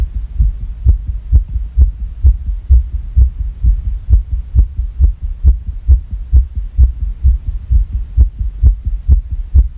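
Rapid heartbeat at about 130 beats a minute with strong low thumps and slightly uneven spacing; fast, irregular heart rhythm.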